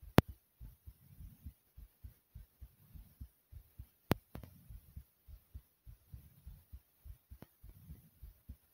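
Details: Fast thumping heartbeat after jumping in place for a few minutes to make the heart race; tachycardia after exercise.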